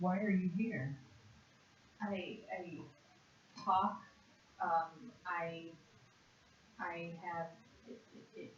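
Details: Severe conduction aphasia in a 56-year-old woman after a single stroke to the left hemisphere in June 2012, worse with stress; word fluency task naming animals in one minute; conduction aphasia.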